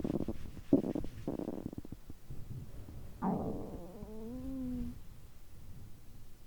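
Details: Low gurgling bursts, then a rising and falling groan-like tone: ordinary stomach growling from digestion on a day of overeating, which typically goes on for over 3 hours.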